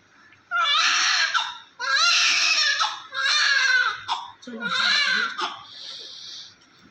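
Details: Small but active newborn being washed with baby oil to remove vernix: loud, high-pitched crying in four long bursts separated by quick breaths, with a brief fretful cry at the end; a vigorous newborn cry.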